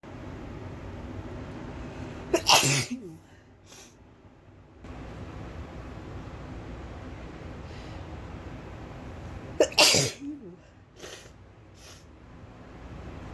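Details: Person sneezing repeatedly, with an unexplained nose problem making sneezes come easily: two loud, forceful sneezes about seven seconds apart, each a sharp intake then explosive release, in a small room; sneezing.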